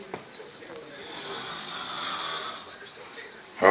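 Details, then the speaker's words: Sleeping person at home, children nearby: a single long, airy, rasping breath that swells and fades in a quiet room, a snore. "are getting closer it is in its natural habitat the snow it awakens oh the snow has been awakened"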